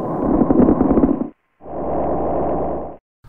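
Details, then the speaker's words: SAM adult male auscultation manikin, stethoscope on the upper lung: a simulated breath cycle with very coarse, loud, popping, bubbly crackles through inspiration, then a smoother breath out. "place the stethoscope on the upper lung and listen to very coarse crackles"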